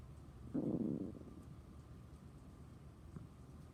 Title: Stomach growling from chocolate milk